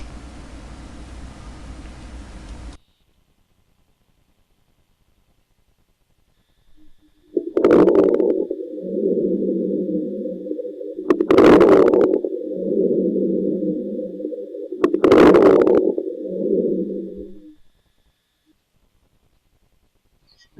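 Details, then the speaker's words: Fine inspiratory crackles: low breath sounds with three brief, fine crackles, uniform in intensity and duration, heard only at the end of inspiration at the lesion site, likened to salt or hair rubbed between fingers. "son ruidos breves finos iguales entre sí en intensidad y duración semejantes a la sal que que repita el ruido que se produce al frotar los cabellos entre los dedos"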